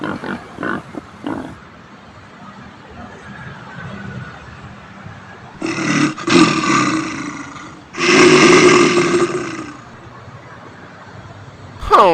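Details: Person sleeping in a car: two loud, harsh, rattling breaths a few seconds apart against quiet background hiss, heavy snoring.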